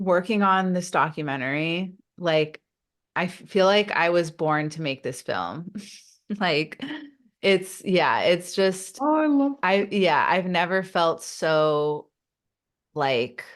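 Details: Adult woman who stutters, speaking in a podcast interview: stuttering.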